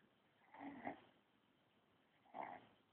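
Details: Sleeping baby (niece) snoring loudly: two soft, rough breathing noises about two seconds apart in a quiet room; light snoring during sleep.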